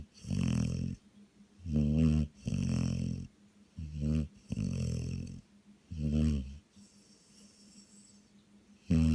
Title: snoring